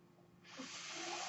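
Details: Mechanical ventilator noise heard during a podcast recording by its user: a mechanical ventilator breath cycle.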